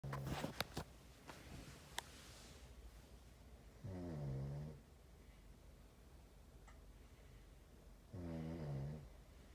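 Two long, low, rumbling snores about four seconds apart, with a few sharp clicks and faint room noise early on. Ordinary snoring.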